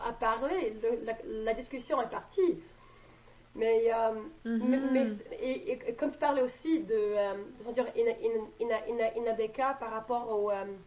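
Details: Adult French-speaking woman who stutters; stuttering.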